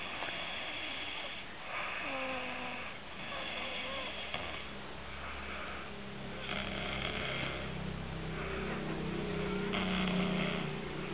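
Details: Father snoring, heard beside a 4-month-20-day-old infant: rough, rattling snores recurring with breaths over a steady low hum.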